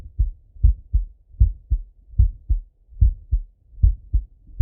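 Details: Adult male heartbeat recorded while lying on his left side: steady paired low lub-dub thumps at about 78 beats a minute with quiet gaps between; normal heart sounds.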